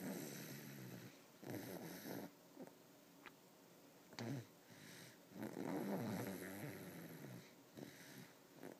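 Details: 3-year-old boy, very tired after staying up late, snoring loudly after going to bed: irregular, rough, rattling breathing noises, with several snoring breaths and quiet gaps between.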